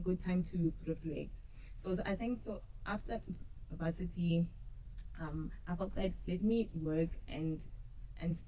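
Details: Adult woman who says she stutters and used to struggle a lot with stuttering; stuttering.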